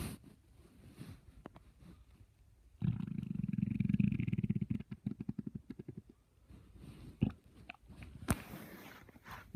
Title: My stomach growling at 6:45